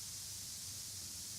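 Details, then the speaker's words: Tinnitus masking noise from a masker application. "After activation of the devices you will start hearing the same noise that you are hearing now. If you don't hear the noise, you may try to increase the volume by using either the left, or right slider."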